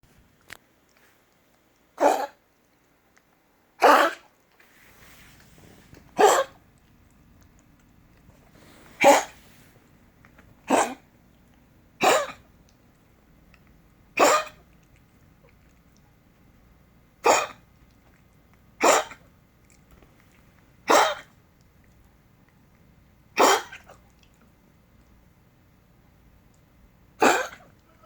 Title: Dog cough